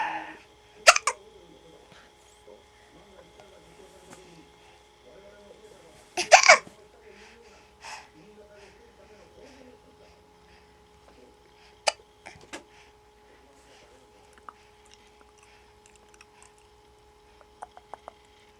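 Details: Baby boy who often has hiccups, playing peek-a-boo with his father: a few sharp, abrupt gasping hiccups spaced seconds apart, with soft babbling and a steady room hum between them.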